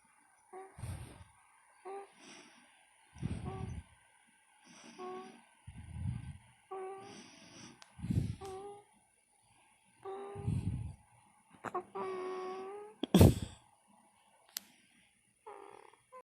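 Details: Snoring baby: repeated low rumbling snorts with each breath, about every one to two seconds, mixed with soft voiced sounds.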